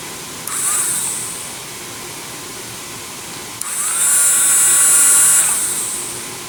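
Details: Two runs of a high-pitched whining dental drill motor, speed-dial controlled up to 30,000 RPM, spinning up and down against quiet room hiss; a low-cost dental drill used in place of a surgical handpiece for lab craniotomies.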